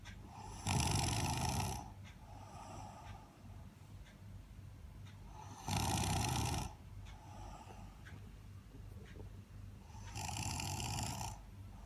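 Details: Snoring of an overly tired sleeping person: deep, rattling snores on each in-breath, about 12 a minute, with quiet breathing between them.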